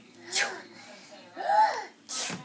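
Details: Imitated sneeze: two sharp, breathy bursts with a voiced sound between them, a fake sneeze rather than a real one.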